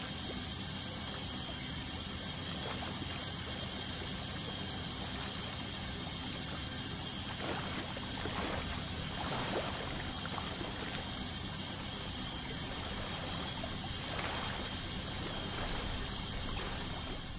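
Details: Ultrasonic scaling to remove tartar during a dental cleaning: high-pitched whine of the scaler with hissing water spray and gurgling suction.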